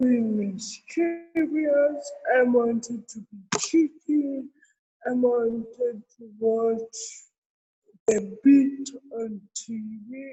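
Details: Adult woman born with cerebral palsy, real speech in an interview; dysarthria (cerebral palsy).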